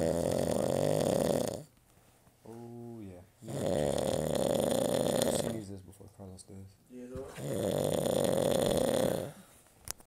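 Three long, loud, rattling snores with quieter breathing and brief voice-like sounds between them; heavy snoring.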